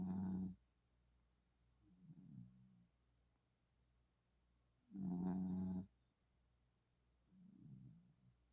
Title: she snores too!! #puppy #petshub #cutepet #cute #petsrule #cuteanimal #funny #petsempire #cutepuppy